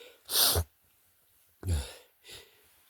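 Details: Three sneezes, the first two strong and the last softer, each deliberately held back and muffled in a quiet room: stifled sneezing.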